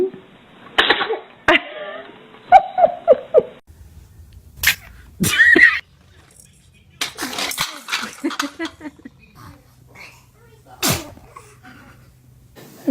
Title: Children funny sneezing!